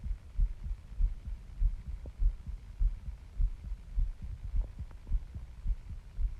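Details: Steady, regular low heart thumps at about 100 beats a minute, a little fast, with the person feeling their heart pounding; heartbeat.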